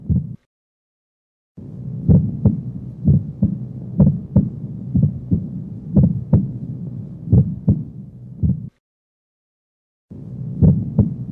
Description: S1 splitting is normal in many patients and is thought to be caused by mitral valve closure followed by an aortic ejection sound.